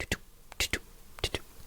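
A woman whispers steady, evenly spaced paired 'lub-dub' sounds, a vocal imitation of a normal regular heartbeat.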